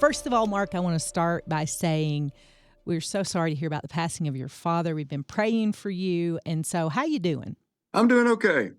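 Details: Adult speakers in conversation; normal speech.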